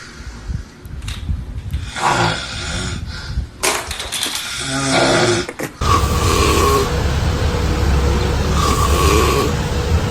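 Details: Snoring, with snorts and groans, in a humorous compilation clip of funny snoring moments.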